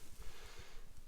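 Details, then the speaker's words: Newborn big calf just pulled at calving, straw put in its nose to make it cough: low, wet snorting and spluttering bursts as it clears plenty of fluid from its airways. "So we pulled him at about the right time, because you can clearly tell he's got plenty of fluid in there."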